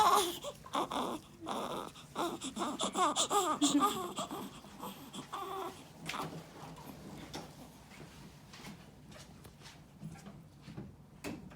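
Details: Six-day-old newborn crying: short, high-pitched cries in repeated bursts with brief gasps between, fading to whimpers and quiet; ordinary newborn cry.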